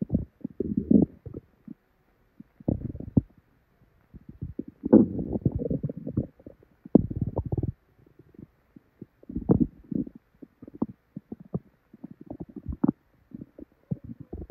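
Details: Loud tummy growling with diarrhea after drinking probably expired milk: prolonged low gurgling and rumbling from the belly in repeated bursts; loud, active bowel sounds (borborygmi).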